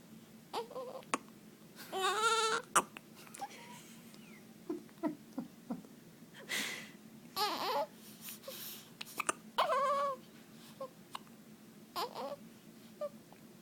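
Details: Short, broken whimpering cries interrupted by abrupt little catches from a young child having hiccups for the very first time. Infant cry.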